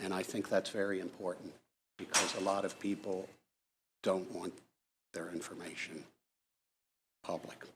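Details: Hypokinetic dysarthria (Parkinsonian speech) in a man with Parkinson's disease, giving testimony while speaking as loudly as he can.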